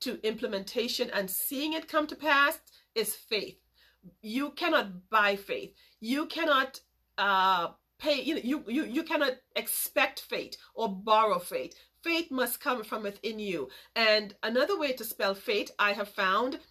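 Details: Adult woman with a major speech impediment since childhood who still stutters sometimes; stuttering.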